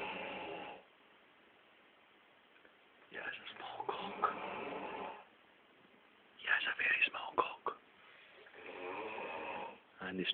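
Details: A man snoring at about five past ten: rough, rattling snores roughly every four to five seconds, with a few snorting bursts between, in a quiet room.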